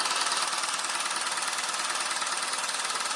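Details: Handheld low-intensity shockwave device (Rocket) applied to the sides of the penis for erectile performance, user reporting no pain: rapid, steady mechanical tapping at about 140 pulses a minute with a buzzing hiss.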